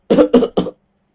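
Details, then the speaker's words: Three quick voiced cough bursts in a row, then silence; adult man's lingering cough remaining after flu. "Nah, itulah kenapa terjadi batuk. Jadi ketika ada iritasi di bagian kerongkongan, ada bakteri atau ada virus, bereaksilah tubuh untuk mengeluarkan dari paru-paru."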